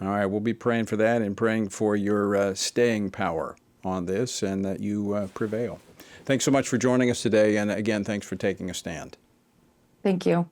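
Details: Adult male speaker; normal speech.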